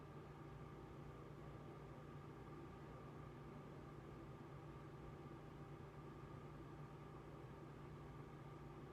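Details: Therapeutic ultrasound on a 26-year-old woman's right lower back at the L5 level beside the spine, for low back pain; intensity 1.5, seven minutes, slow circles, given by a student physical therapist. Steady low hum with faint tonal lines from the running unit.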